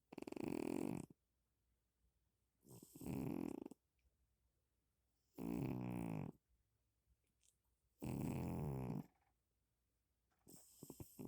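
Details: Cat snoring: loud, rattling, human-like snores, each about a second long, roughly 23 breaths a minute with quiet pauses between.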